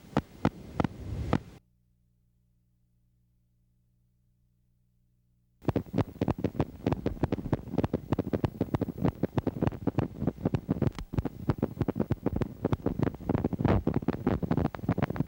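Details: Needle EMG loudspeaker output of grouped popping bursts repeating steadily: myokymic discharges, the key finding in myokymia-cramp syndrome. Myokymia is seen most often in Isaacs syndrome, demyelinating neuropathy, radiation plexopathy and timber rattlesnake envenomation.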